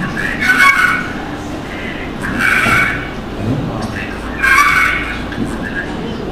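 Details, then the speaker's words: Stridor, audible without a stethoscope, as loud harsh high-pitched noisy breaths about 30 a minute from a narrowed upper airway, in a teaching example of a patient with severe respiratory failure. "Isso aqui é um estridor que vocês vão escutando. Geralmente o estridor você não precisa de estetoscópio para você ouvir. Então faz esse som aqui, ó."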